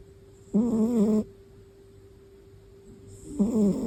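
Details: Young female cat that snores when sleeping: two rough, fluttering snores about three seconds apart over a faint steady hum; ordinary feline snoring.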